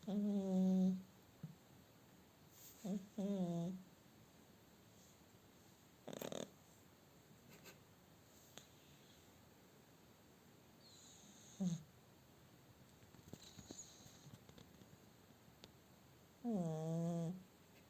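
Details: Sleeping British kitten snoring: a few loud, buzzy snores spaced irregularly, with quiet room sound between them.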